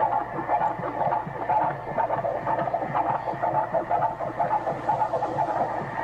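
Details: Pregnant women with a device held near the body: rapid rhythmic whooshing pulses, about 125 per minute, of a fetal heartbeat picked up by ultrasound.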